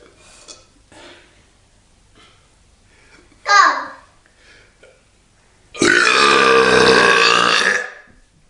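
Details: A short belch, then a long, loud, drawn-out belch of about two seconds with faint talk between; deliberate burping while having a beer.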